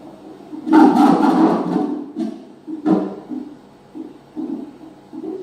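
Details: Soft rhythmic whooshing pulses of fetal heartbeat from a Doppler/CTG probe placed on the pregnant mother's abdomen during CTG monitoring for fetal condition and contractions.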